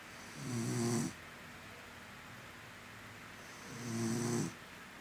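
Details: An exhausted girl snores in sleep: two rattling snores on breathing in, about three seconds apart, with quiet between; ordinary sleep snoring.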